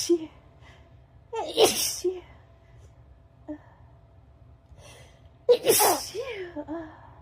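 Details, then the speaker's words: Person in bed early in the morning with a runny nose, congestion and a blocked right nostril, nose tickling: two forceful sneezes, each preceded by a sharp catch of breath, with sniffling between them. "It's getting really tickly though. It feels like it's gonna be one of those days. Oh, God, I think I'm gonna sneeze."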